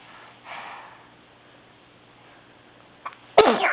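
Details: Baby girl sneezing: a quick intake of breath followed by a single loud, explosive sneeze over faint room hum.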